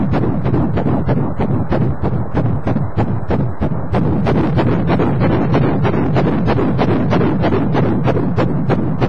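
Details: A fetal heartbeat on Doppler ultrasound, somewhere between 8 and 30 weeks of pregnancy, gives rapid, rhythmic whooshing thumps at roughly 180 a minute.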